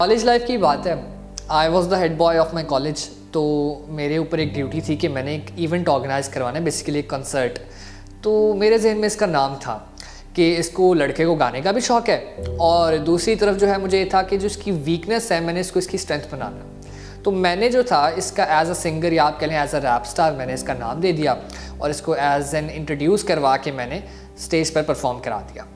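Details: Adult male speaker; fluent speech.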